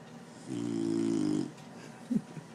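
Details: A single drawn-out, buzzing, tonal breath lasting about a second, then a small snort; snoring.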